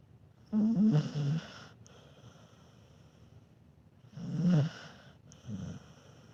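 Soft, rattly snoring from a sleeping dog, two breath cycles with quiet exhalations between; mild snoring.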